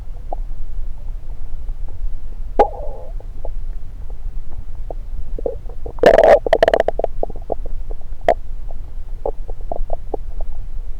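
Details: A person holds a stethoscope on various parts of their own belly. Scattered gurgles and brief clicks are broken by a louder burst of rumbling partway through: ordinary bowel sounds.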